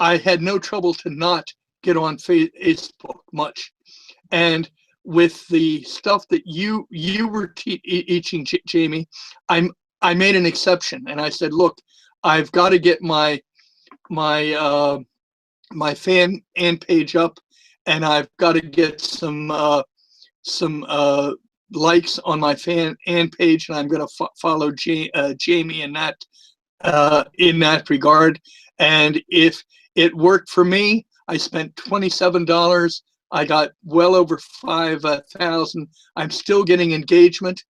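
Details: Retired adult male former social worker with a speech impediment, a lisp and stuttering for years, more noticeable with the microphone close to his mouth; stuttering.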